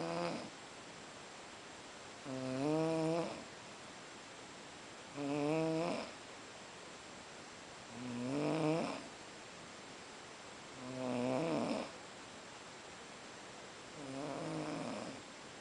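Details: Snoring after a long day in Boiçucanga: five loud, rhythmic voiced snores with a rattling, buzzing quality, about 20 breaths a minute, separated by quiet exhalations.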